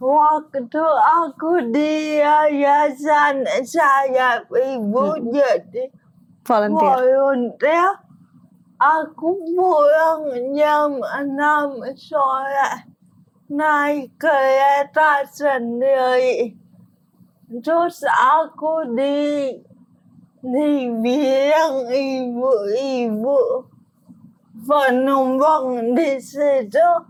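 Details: Adult woman with cerebral palsy, with gross and fine motor limitations; dysarthria.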